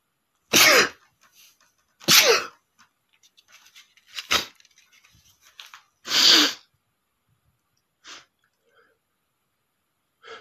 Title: sneezing male #10 (the big sneeze)